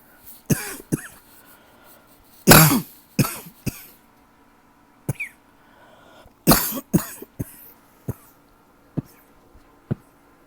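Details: Adult with a persistent tickle, coughing all night; repeated short, dry, hacking coughs with quiet gaps between bouts and no wet rattle: dry cough.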